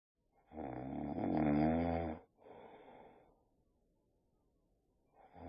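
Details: Boxer dog snoring with open eyes, tired after a long walk: a long rattling inspiratory snore, softer out-breath and quiet pause before the next; snoring.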